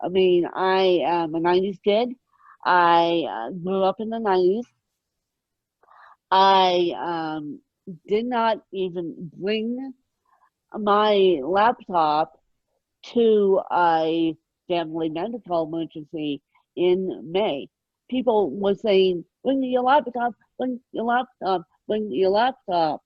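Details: Ataxic dysarthria in an adult woman with moderate ataxic cerebral palsy present from birth, caused by lack of oxygen at birth, mid-spectrum severity; she needs 24-hour care.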